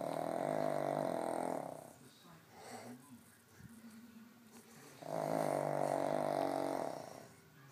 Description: Loud snoring pug